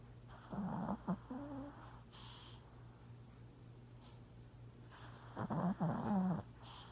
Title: Gus Gus making noises and snoring while sleeping #cutepuppy